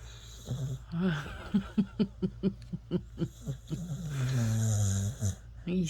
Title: Funny dog snoring